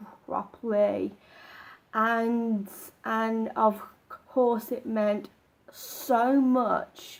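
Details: Man with a stammer; he says it becomes apparent when he doesn't practise his techniques and he can slip into old habits; stuttering.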